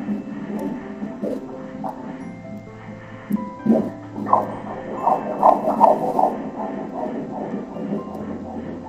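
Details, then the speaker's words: Fetal heartbeat on Doppler during live ultrasound: rapid rhythmic whooshing pulses, rate measured at 159 beats per minute, normal. "blood of your blood. Isn't it nice to hear your baby's heart beating like that? Beautiful is not it?"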